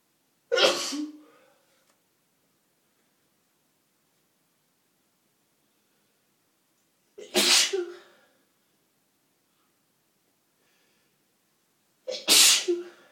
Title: Wet and stuffy sneezes